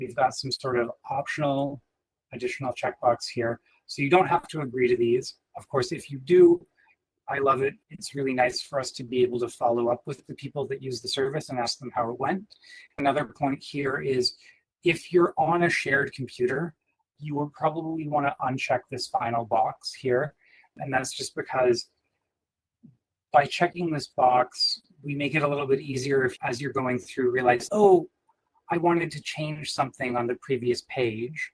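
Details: Adult male speaker; typical speech.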